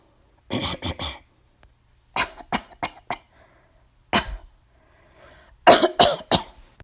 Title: Woman Coughing Noise Sounds | Film & Sound Effects